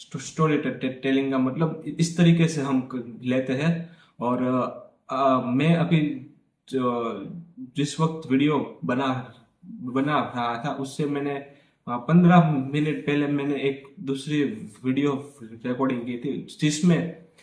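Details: Adult man who stammers and practises daily in a fluency series (Day 17); he says he stammers more with particular people such as his father, which he calls subjective stammering; stuttering.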